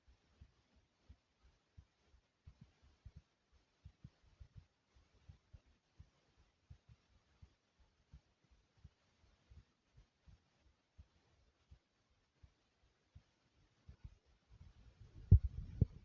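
Soft, low heartbeat thumps at a steady pace, with louder, busier sound near the end as the beat quickens.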